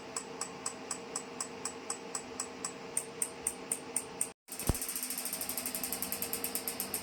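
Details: Physiwave MT685 dual-handle 6T magnetic physiotherapy device for pain relief, with settable frequency, intensity, time and treatment area. Regular sharp clicks at about two per second, a brief pause, then faster steady clicking of magnetic stimulation pulses.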